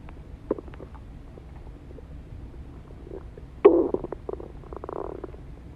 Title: Stomach Growling Sounds